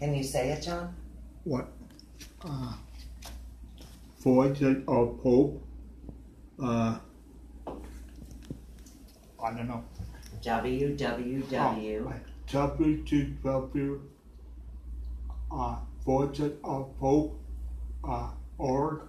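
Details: Adult man with aphasia after a stroke nine years earlier, with complete right-sided weakness; aphasia.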